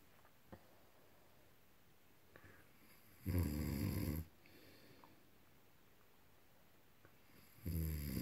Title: Snore! Crank it up!